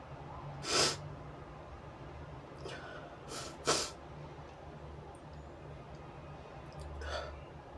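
Several loud, explosive sneezes with quick in-breaths between them over steady room noise. Ordinary sneezing.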